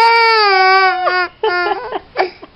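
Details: Baby frightened by Santa Claus greeting him with Merry Christmas: a sustained, high, strained wail, then shorter broken sobbing cries.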